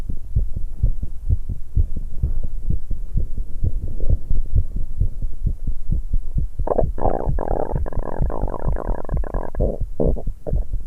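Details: 19-year-old female after exercise, drinking tea: strong, fast, regular heartbeats around 150 a minute, with a gurgling swallow and stomach sounds midway; rapid heartbeat after exercise.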